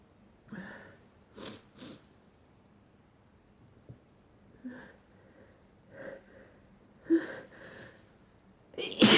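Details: A morning run of about eight short, sharp, airy sneezes, the last one loudest: sneezing.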